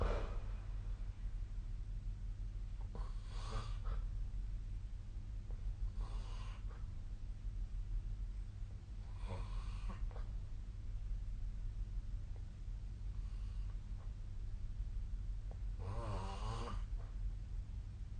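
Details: Sleep snoring captured with the SnoreLab snore-tracking app: several rough, rattling snores with quiet breaths between them, over a steady low hum.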